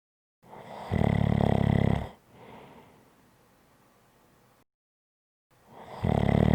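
Loud, low rattling snore on the in-breath, then a softer breath out and a pause, with the next snore starting; typical snoring.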